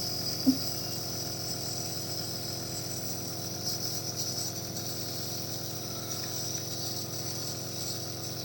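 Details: Nebulizer running during a treatment for cough in a 7-month-old baby: steady mechanical compressor hum with a constant misty hiss.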